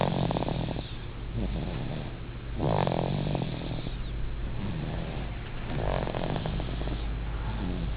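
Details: 8-month-old baby sleeping and snoring: low, rumbling snores rising with each breath over a steady background hum.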